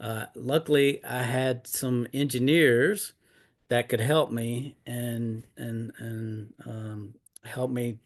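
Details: Adult man with aphasia due to a stroke in 2016, almost nine years earlier.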